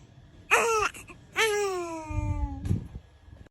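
Two short, high-pitched newborn cries with falling pitch, then a soft snuffle; an ordinary infant cry.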